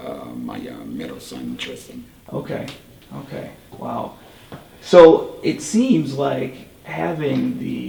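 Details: Tracheoesophageal speech in a 38-year-old man using a Provox voice prosthesis after total laryngectomy for cancer.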